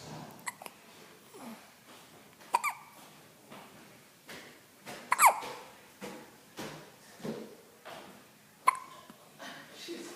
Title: Pippi has the Hiccups and is All Wrapped Up